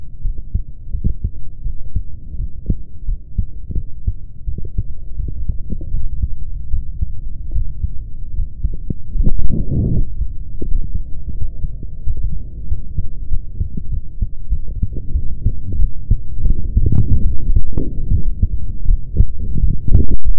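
Muffled low thumping of a heartbeat recorded close to the chest, with rustling and handling noise.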